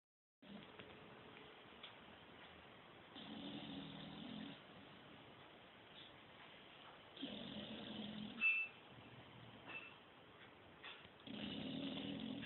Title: Chibi y su banda sonora - Snoring Bulldog